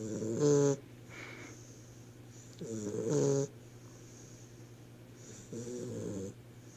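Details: Dog snoring: regular, buzzing snores on each breath, roughly 22 a minute, with a steady background hiss.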